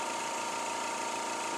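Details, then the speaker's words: Steady motor hum with a high whine as a suction machine is switched on and tested before tracheostomy suctioning in a skills demonstration: suction machine running. "before we get started we're going to test our suction machines so that's just going to include turning it on making sure that we've got some suction"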